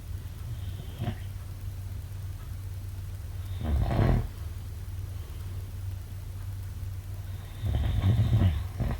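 Low, rumbling snores at irregular intervals over a steady low hum of room noise. Snoring during sleep.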